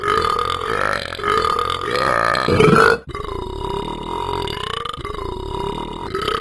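Long, loud, drawn-out belches with a rough, voiced tone, two in a row, consistent with burping.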